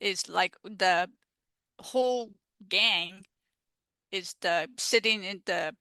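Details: Aphasia after a stroke in an adult woman, a stroke survivor now involved in aphasia peer support.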